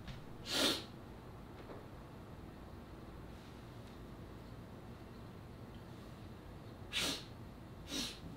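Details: Three sharp, hissing spray sneezes from an adult, separated by quiet pauses; ordinary sneezing.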